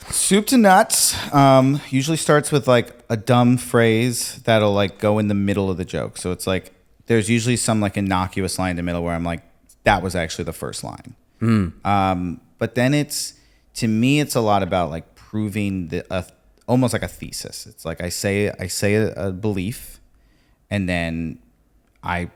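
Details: Adult male speaker; typical speech.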